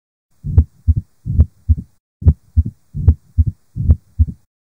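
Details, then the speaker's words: 60-year-old with new-onset atrial fibrillation, flushed face and tapping apex beat; real heart sounds near 75 a minute with a low mid-diastolic rumble and opening snap: mitral stenosis murmur. "Gomme karabo ye e nepagetšego ke Mitral stenosis Mitral stenosis ke karabo ye e nepagetšego ka gobane re na le classic mid diastolic murmur yeo e nago le go bulega snap"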